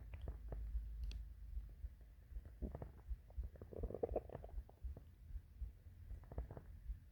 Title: The classic morning hungry stomach growls